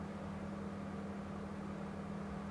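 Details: A steady low hum with a constant rushing hiss from an endoscopic ear microsuction unit, used by audiologists on the first visit to remove deeply impacted ear wax and dry skin peeling from the eardrum.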